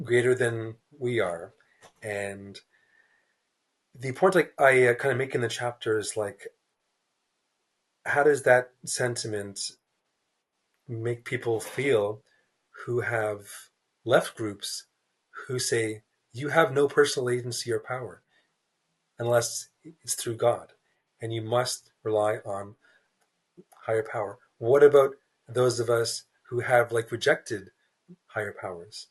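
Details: Stuttering in an adult man, a writer who describes himself as a person who stutters, speaking in a real, unscripted podcast interview.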